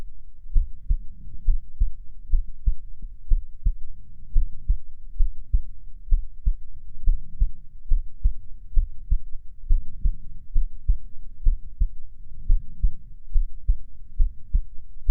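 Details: Steady, regular, low heartbeat thumps at about 71 beats a minute, recorded as the speaker's own heartbeat for ASMR: normal heartbeat.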